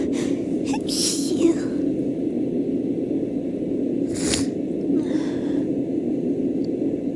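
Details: Female with a tickly nose, sneezes deliberately induced: two sharp sneezes, each with a catching in-breath before it, over steady low hum from a sound machine; sneezing.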